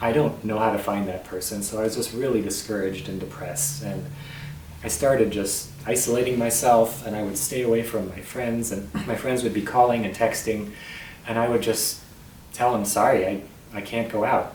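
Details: Muscle tension dysphonia in an adult male tenor, recorded on a bad night; scope showed healthy vocal cords with the voice box pinched front to back.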